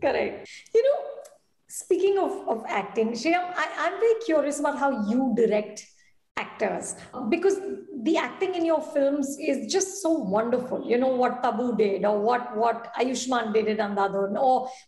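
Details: Adult woman; typical speech.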